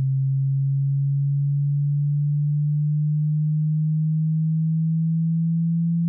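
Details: Tinnitus pitch-matching frequency sweep, to be heard through headphones or speakers in a quiet room: a steady, low-pitched pure tone gliding slowly upward with two brief dips.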